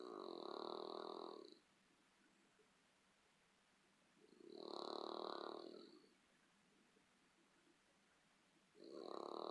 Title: My Snoring Dog